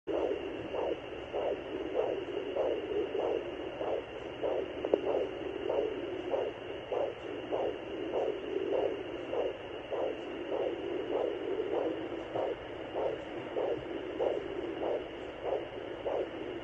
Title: Belly sound with doppler?